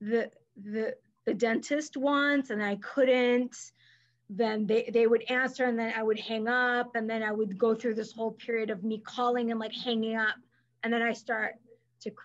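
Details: Adult woman who stutters and is a speech-language pathologist, with silent blocks when younger and later fillers, and past covert stuttering periods; here part-word and whole-word repetitions, showing stuttering.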